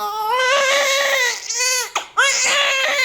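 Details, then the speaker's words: Loud, strong, clear newborn cries with brief pauses for breath right after a normal vaginal delivery, baby born still in the amniotic sac; vigorous first cry. "Ang cute may Iyak iyak iyak"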